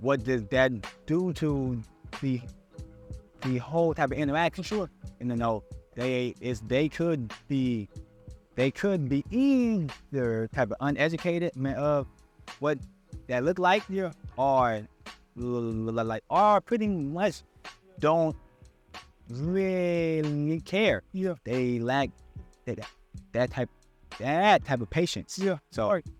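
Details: Stuttering in an adult man who still struggles with his speech impediment.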